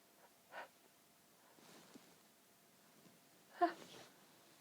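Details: Pinched, stifled sneezes after an incredibly tickly nose: soft breathy long build-up followed by two short, pinched, stifled sneezes in a quiet room.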